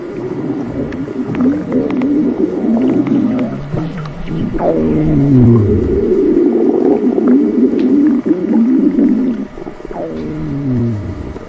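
Long, low, gurgling rumbles with shifting pitch rising and falling over several seconds: stomach growling, ordinary bowel sounds.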